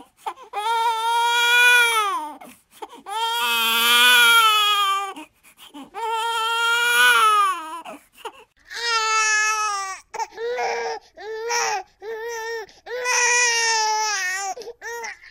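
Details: A just-born newborn baby cries loudly and high-pitched in repeated long wails, with brief gasping pauses between them.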